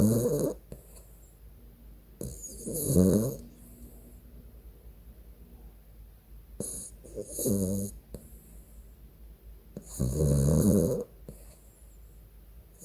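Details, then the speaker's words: Sleeping dog snoring with a rough, snorting sound on each breath in, about every four seconds; dog snoring. "Je ronfle vraiment trop. Je ronfle beaucoup quand la maison est sèche ou quand je dors bien . Et je ne ronfle que lorsque je dors sur le côté."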